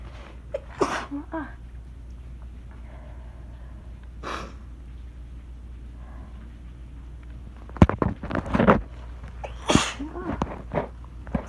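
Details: Person already tickly before the fit, recorded by phone on a rainy, stormy day: a few sneezes with quiet breaths between, then a closer burst of sneezes and sniffs over steady room hum; small sneezing fit.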